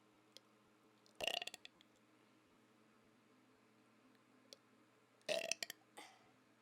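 Two quiet, muffled bursts of clicking, crackly sound in a still room; closed-mouth burps.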